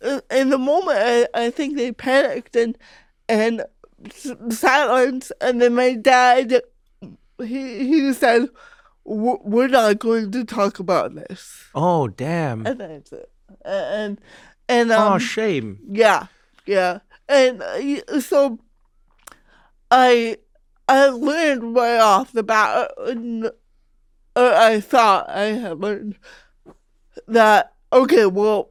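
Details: Real, unscripted speech from a woman comedian who has had cerebral palsy since childhood; her family remarked on her speech when she was about five. Dysarthria due to cerebral palsy.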